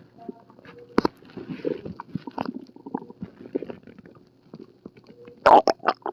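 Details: Stomach rumbling in a hospital patient with an upset stomach: irregular gurgling bowel sounds over several seconds, with a louder burst of gurgles near the end.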